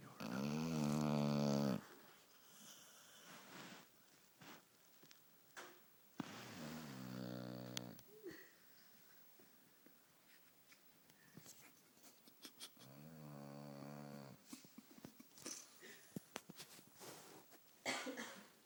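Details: Sleeping dog with a slight snoring problem: three loud, rough, buzzing snoring breaths with quiet pauses between them, in a small room.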